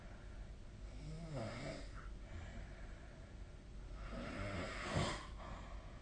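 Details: Snoring recorded with the SnoreLab phone app: two low, rumbling snores on breathing in, with quiet breathing between them, over steady room noise during sleep.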